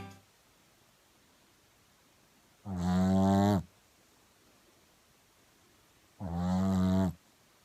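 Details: Shih Tzu dog snoring in deep sleep: two loud, droning snores about three and a half seconds apart, separated by silence.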